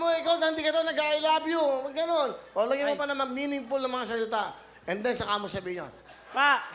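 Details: Adult man speaking; Normal fluent speech.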